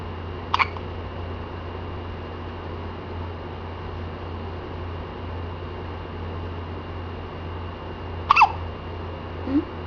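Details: Two brief, abrupt hiccups about eight seconds apart over a steady low background hum, recorded on a Kodak C182 digital camera, in a recording that also includes a yawn.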